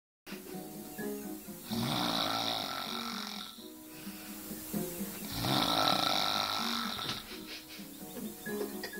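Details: Two loud, harsh, raspy snores a few seconds apart from a man sleeping after drinking beer, with music in the background; heavy snoring.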